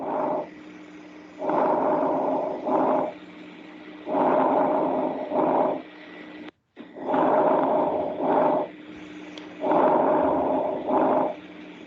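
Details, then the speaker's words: Soft rustling breaths, longer breath in than out, about 22 a minute with faint steady hum, played from an auscultation app in a semiology class as normal sound heard over almost all lung fields; vesicular breath sounds "Normal, correcto. Ese es un ruido normal. Cuando ustedes ausculten, o sea, ausculten a ustedes mismos, este sonido lo vamos a escuchar casi en todos los campos pulmonares."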